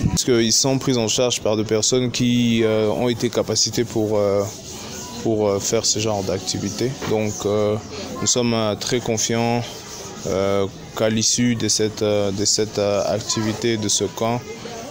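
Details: Adult male speaker; normal speech.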